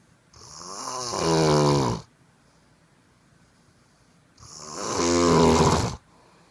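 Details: Person snoring in sleep: two loud, rattling snores on the in-breath, each about two seconds long, with a quiet pause between them.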